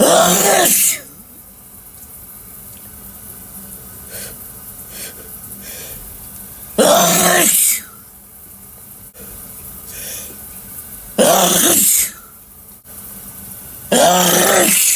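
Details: Sneezing in the shower: four loud, explosive sneezes a few seconds apart over running water.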